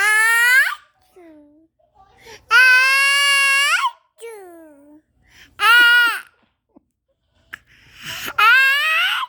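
Repeated loud, high-pitched crying bursts with brief pauses between them; an infant crying.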